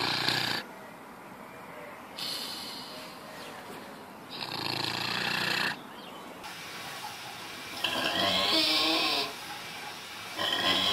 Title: Funny Videos of Pigs Snoring